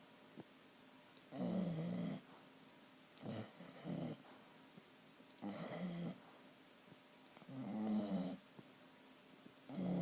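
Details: Sleeping dog snoring in a steady rhythm, five rumbling breaths in ten seconds.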